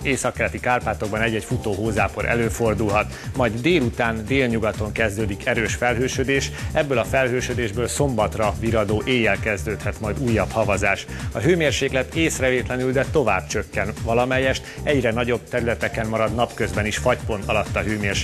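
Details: Adult male weather presenter; normal speech.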